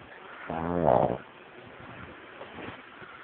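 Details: Pug snoring at night, nightly and sometimes very loud: a single loud, buzzy, pitched snore on an indrawn breath, then quiet breathing with a faint second breath sound.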